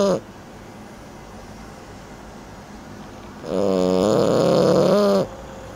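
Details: Long, loud, buzzing snore with a steady tone in a quiet room from a 30-week-old French Bulldog dozing; snoring.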